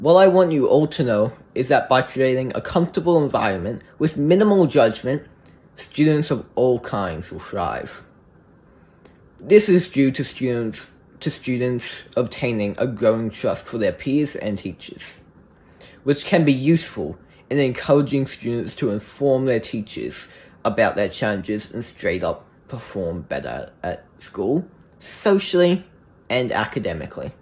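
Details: Teen or adult with childhood apraxia of speech, speaking English; childhood apraxia of speech.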